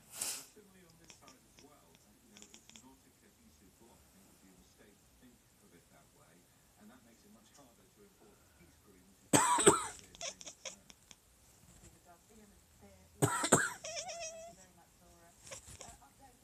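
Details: Person's deliberate coughing, about four short, sharp coughs, with a sleeping pet called Chewbacca clacking his teeth and chirping between them; cough.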